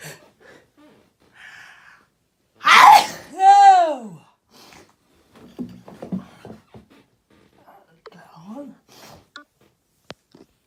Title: loud sneezing 1